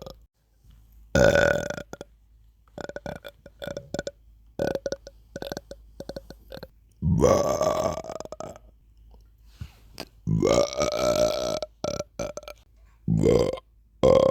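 Several long, loud, voiced burps separated by quiet gaps and short soft sounds. Repeated belching.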